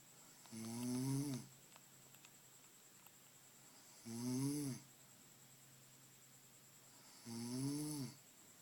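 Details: Mum snoring during a trip: three loud, rough snores on breathing in, roughly one every three to four seconds, with quiet between them.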